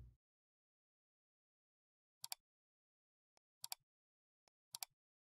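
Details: A sleeping British Shorthair cat's light snoring: faint, quick, snuffly double puffs about once a second in a quiet room; owner hopes it is not sleep apnea.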